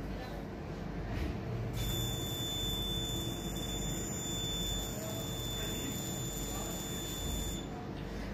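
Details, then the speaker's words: CO2 fractional laser on a woman's facial skin, felt as a light mesh, targeting pores and scars: steady high electronic whine for about six seconds over loud machine and room noise. "तो इससे क्या होता है कि यह laser जो है हर पोर और स्कार में जाके अफेक्ट करती है इफेक्ट करती है अपनी उसकी वजह से यह स्किन के अंदर जो चेंजेज आती है स्किन में लिफ्टिंग होती है"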